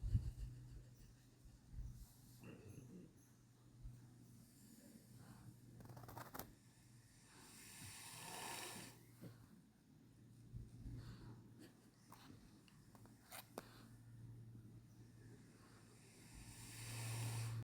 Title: Have You Ever Heard A Horse Snore?🤣🫶🏻